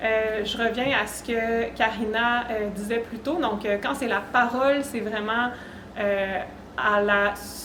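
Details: Adult woman with self-reported stuttering, which she describes as involving blocks, sound prolongations, repetitions and tension when speaking; real, not acted: stuttering.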